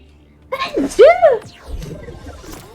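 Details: Allergy-related sneezing, the person asking for their allergy meds mid-conversation: a loud voiced sneeze burst with a rising and falling cry-like sound, then quieter breathing and murmuring.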